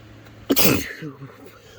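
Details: Adult transgender (FTM) male, stuffy nose with one nostril blocked after waking from a nap, allergies suspected from heavy cleaning; induced sneeze: one forceful, wet, messy sneeze after a short indrawn breath, then quiet.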